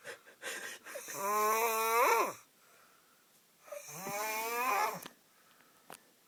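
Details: Two loud, droning, buzzy snores on breathing in, with quiet pauses between; heavy snoring from a sleeping male.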